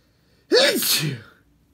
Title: Hot sneezes (male)